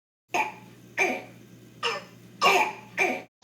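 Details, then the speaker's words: Croup: five harsh, barking cough bursts in quick succession, the seal-like bark of a child with croup, typically at night with a hoarse voice. "the coffin sounds like a sealed bark so it's a very um very prominent cough"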